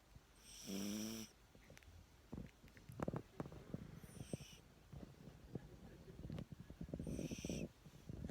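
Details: Yorkshire Terrier snoring: three slow, rattling breaths, some with a whistly tone, spaced several seconds apart, among faint room noise.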